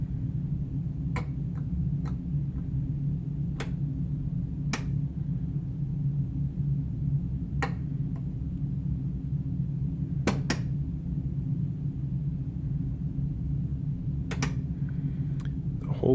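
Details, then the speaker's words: Servo-i ventilator running its automated pre-use check in a lab, with oxygen source off so the gas supply test fails: steady low hum with scattered sharp clicks, normal self-test noises. "so we'll just watch as it runs through the test it performs a test show here at making some noises that's okay"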